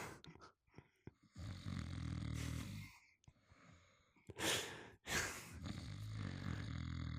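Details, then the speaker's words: Adult man asleep on a couch, hugging a pillow, recorded close up with a microphone: harsh rattling snores with snorting and gusty breaths between them, loud and irregular: snoring. "I have microphoned my boyfriend snoring sleeping on the couch cuddling a not safe for work Scar from The Lion King buddy pillow mm-hmm this is this is an exclusive snore"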